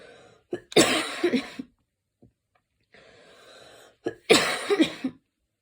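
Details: Evening coughing fit recorded while lying on the back: two bursts of harsh repeated coughing with a breath drawn between them.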